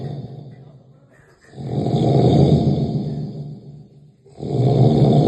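Loud, low, rattling snores on each breath in, about two in five seconds, with quiet pauses between: heavy snoring.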